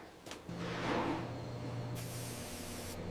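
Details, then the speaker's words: Cow hoof puncture wound with swelling and pressure: hissing spray as pressurised fluid escapes from the hoof abscess during trimming, with background rumble. "you definitely don't want that stuff spraying on your face. You'll smell it all day."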